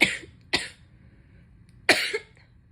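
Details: Adult still sick, feverish, croaky and congested, coughing and sneezing during a long fit: three short, harsh coughs in a quiet room; cough.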